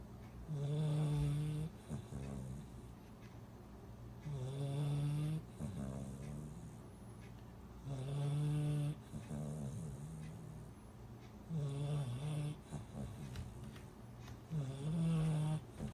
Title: 8 week old lab puppy snores